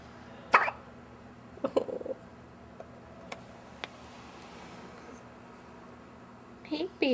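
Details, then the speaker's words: Baby girl hiccupping: two or three short, sharp vocal hiccups a few seconds apart in a quiet room, with a brief voice at the end. "She's got another one coming. That sounded wet, Daddy."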